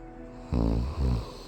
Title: literally 1 minute and 30 seconds of a old guy snoring